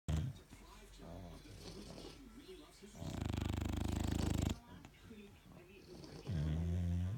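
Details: Sleeping bulldogs snoring: deep, rattling snores with snuffling breaths between them, one snore long and loud.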